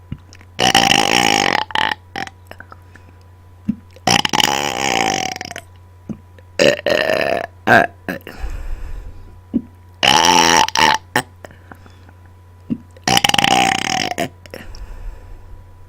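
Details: Four loud, prolonged voiced belches with brief gaps between them, made deliberately on command after dinner; repeated burping.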